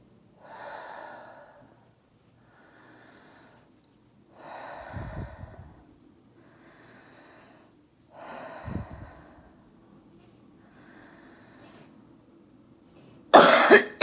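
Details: Adult female orthopedic surgeon recovering at home from COVID-19 does an airway clearance exercise to cough up phlegm: slow deep breaths, forceful huffing exhalations, then a sharp productive cough burst.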